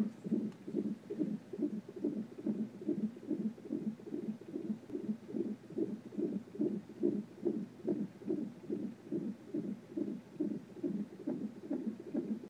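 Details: Fetal heartbeat of a baby boy before birth on Doppler monitor: rapid, regular whooshing pulses at about 143 a minute.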